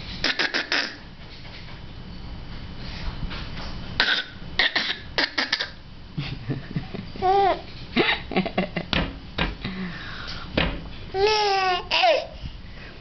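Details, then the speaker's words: Infant girl imitating a smoker's cough on request: several short, rough cough-like bursts mixed with vocal squeals; imitated smoker's cough. "You do your smoker's cough? What do smokers do? That's right."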